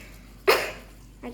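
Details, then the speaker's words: Single short, sharp deliberate cough demonstrated by a primary school child wearing a mask or tissue to show cough hygiene against Covid-19 spread, followed by a faint sound; simulated cough. "Then you can sneeze and cough like this, and achoo."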